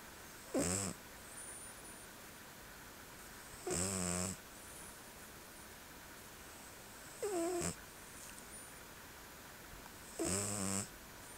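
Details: A male Selkirk Rex cat snoring while asleep: four rhythmic snoring breaths, about 18 a minute, with a soft whistling edge over steady background hum.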